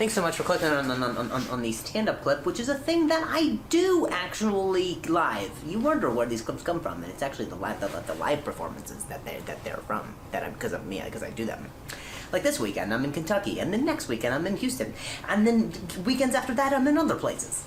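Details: Real stuttering in an adult male comedian who says he stutters; he is speaking directly to the camera after a stand-up set.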